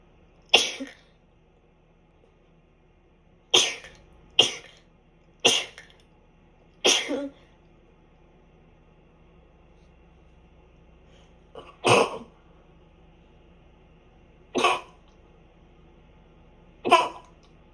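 Eight sharp, explosive sneezes spaced irregularly over about eighteen seconds, in a quiet room; repeated sneezing.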